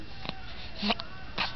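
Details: A baby girl with hiccups: three brief, sharp catch sounds over about a second and a half in a small room.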